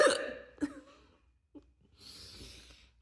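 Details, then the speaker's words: Brief, sharp hiccups, two or three abrupt catches in the throat, in a quiet room; the bout was set off by an unusual inhaling technique; hiccups. "well everyone here we are guess [Applause] what I have the hiccups"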